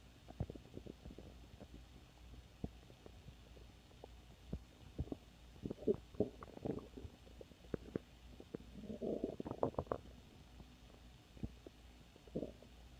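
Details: Ordinary stomach growling with frequent gurgling and growling bursts and some longer rumbles.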